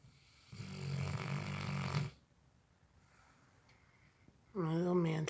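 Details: Sleeping Cane Corso (Italian mastiff) dog snoring: loud, rough, rattling snores with quiet gaps between breaths.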